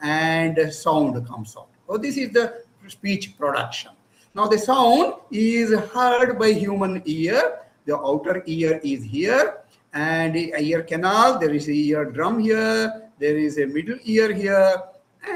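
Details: Adult lecturer; Normal speech.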